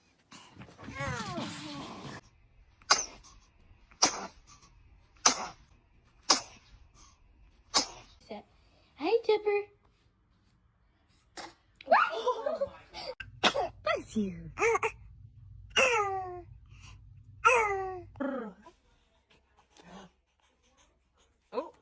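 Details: Newborn baby giving a run of about eleven short, sharp sneezes with small cries and fussing sounds in between: ordinary infant sneezing.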